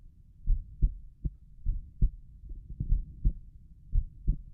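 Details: Own heartbeat recorded at Erb's point while lying down relaxing: soft, low paired lub-dub sounds about 88 per minute with faint rumbling background; normal heartbeat at Erb's point.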